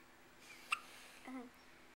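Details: Newborn girl less than a day old with the hiccups: a single brief, sharp hiccup followed by a soft infant vocal sound, likened to a little mouse.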